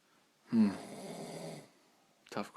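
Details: Person asleep after drinking several beers, snoring: a single loud, rattling snore of about one second, followed by a brief snort.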